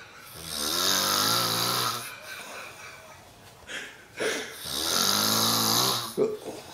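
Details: Snoring from a young person who fell asleep first on a hunting trip, while companions talk nearby.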